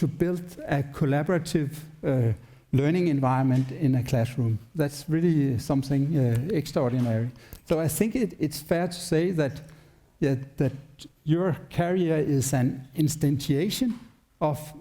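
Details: Adult male speaker; normal speech.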